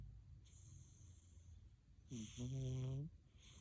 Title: Loud snoring & snorting kitty😸 #cat #siamese #shorts